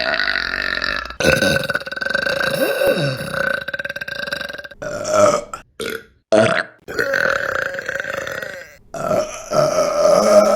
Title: Burping Compilation October 2023 #2 | RBC